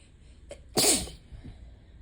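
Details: Adult with ragweed allergy and a mostly lost voice: a quiet breath in, then a single wet, forceful sneeze.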